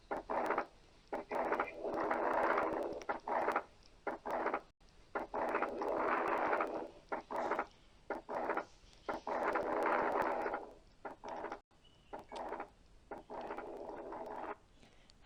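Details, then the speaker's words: Wide fixed splitting of S2, with the pulmonary component delayed by a right-heart shunt: the split second sound stays unchanged through inspiration and expiration, with audible breath sounds, in a paediatric cardiology auscultation lesson. "بس انتوا هنا لاحظتم ان سواء انسبيريشنز او اكسبيريشنز الاس 2 فيكسد سبليتد."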